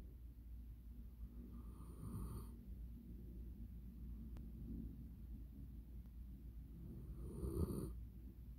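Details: Italian mastiff dog with deep, rumbling breaths roughly every five seconds, ending in brief snorts: snoring.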